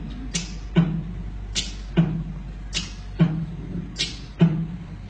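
Crisp, high-pitched metallic clicks come in pairs, one at each heart sound, at about 50 beats a minute over a low steady hum. These sharp opening and closing clicks are the typical sound of a mechanical prosthetic heart valve after valve replacement.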